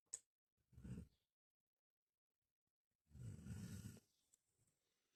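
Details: Two low, rough snores separated by a silent pause, the second longer and louder, during sleep in a quiet room; snoring.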